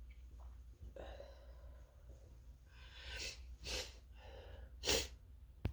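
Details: Person working from home who thinks they are coming down with something, in a drawn-out sneezing fit. Quick intake of breath, then several sharp bursting sneezes in close succession, with quiet room noise.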